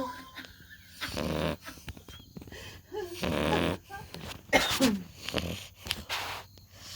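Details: Sleeping puppy snoring loudly, with rough, rattling bursts on each breath and quiet pauses between; owner jokes she needs a CPAP machine.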